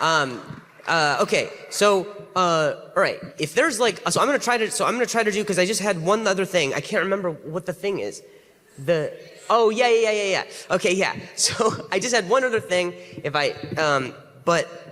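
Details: Adult male comedian with stuttering, struggling through the end of a live stand-up set; right afterwards he apologizes for his stutter and says he stumbled through it.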